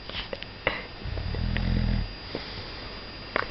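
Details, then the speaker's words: Man asleep on a couch, unresponsive to voices and a phone at his ear: a single low, rattling snore lasting about a second in a quiet room, with faint clicks and handling noise. "Putain, il réagit plus, je crois qu'il est mort pour de bon. Il est mort? Putain, je sais pas si on entend comme il ronfle."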